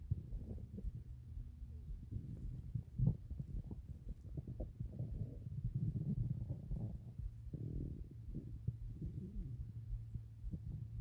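Continuous low rumbling and gurgling with occasional squeaky gas movements; ordinary stomach growling.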